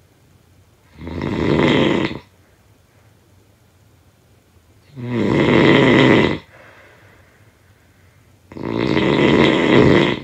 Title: Snoring sound effect